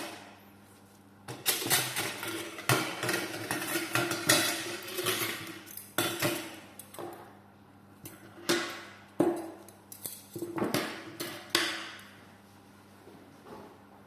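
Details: Circumcision of an adult male patient to prevent phimosis: sharp metallic clinks and clatter of surgical clamps being applied to the foreskin at the 3 and 12 o'clock positions, in a quiet room.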